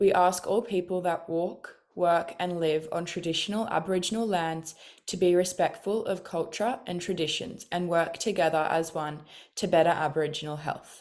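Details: Adult woman speaking; normal speech.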